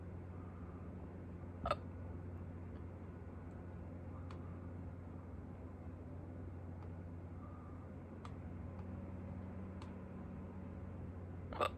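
Two soft, abrupt hiccups about ten seconds apart over a quiet room hiss, with a few fainter clicks between them.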